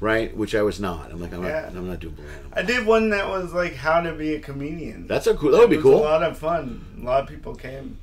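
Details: Adult male comedian with lifelong dysarthria from cerebral palsy present since birth, speaking on stage; says he always sounds like this; dysarthria (cerebral palsy).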